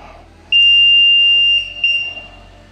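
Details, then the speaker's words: An LTV 1200 ventilator gives a steady high-pitched tone of about one second, then a shorter repeat, after its power button is pressed. This is the normal power-on self-test, after which it asks whether this is the same or a new patient. "hace una serie de pruebas internas y nos pregunta si es el mismo paciente a un paciente nuevo"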